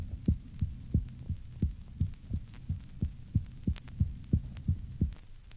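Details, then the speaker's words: Patient with severe myocardial disease: faint, muffled heart sounds at about 90/min, with both first and second heart sounds soft. "remember the first heart sound is also soft under these circumstances the recording of a soft first and second heart sound is taken from a patient with severe myocardial disease"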